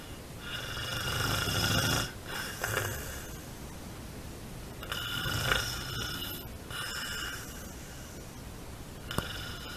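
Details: Snoring: rough, hissing breaths recurring at irregular intervals, with a faint whistling edge and a sharp click near the end.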